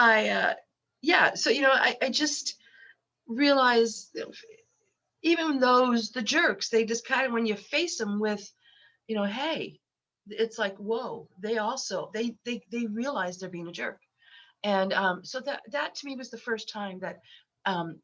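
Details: Lifelong stuttering in a 63-year-old woman, self-described as very repetitious, with eye closures; worse when unwell and since COVID.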